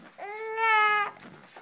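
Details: Short, clear, high-pitched infant cry lasting under a second, recorded in Sweden.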